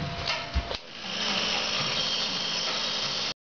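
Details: Steady rapid mechanical buzzing and pulsing of a chest wall oscillation vest during airway clearance therapy in a 10-year-old girl with cystic fibrosis, combined with hypertonic saline nebulizer and Acapella; vest running.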